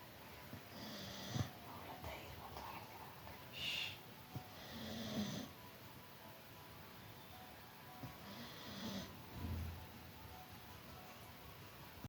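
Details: Labrador sleeping comfortably on its owner's lap, with several soft, rumbling snores and gaps between breaths; ordinary dog snoring.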